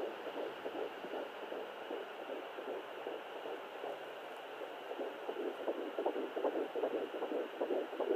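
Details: Fetal heartbeat at 12 weeks on a Sonoline fetal Doppler, possibly twins: rapid, regular whooshing pulses at about 150 beats a minute.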